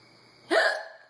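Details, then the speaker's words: A woman whose hiccups won't go away, drinking a martini at her birthday, gives a single sharp, abrupt voiced hiccup that breaks a quiet room and fades quickly. "I realize you worked hard for your money, but I the hiccups won't go away."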